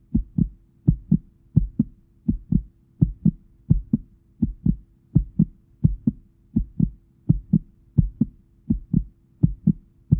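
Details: Heartbeat heard through a stethoscope: a steady, regular lub-dub at about 84 beats a minute, a simulated normal heart rhythm.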